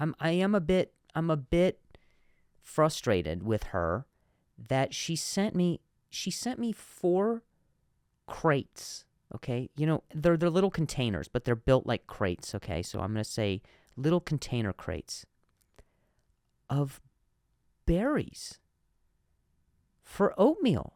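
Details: Real stuttering in an adult male comedian speaking naturally while hosting his own podcast; he says some words are hard for him to say.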